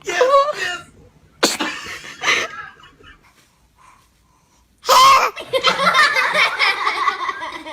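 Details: Baby sneezing: brief sharp bursts of air between baby sounds, with adults saying "bless you" and laughing nearby.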